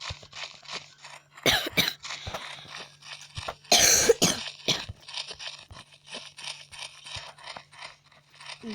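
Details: Adult coughing while ill: several harsh, abrupt cough bursts in two close groups over faint crackling and scraping background noise; cough.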